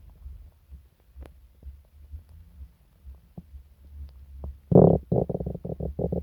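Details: Stomach rumbling (borborygmi) in a person sick for several days with stomach pain, diarrhea and nausea: quiet low gurgles and clicks, then a loud burst of bubbling, rippling gut noise near the end.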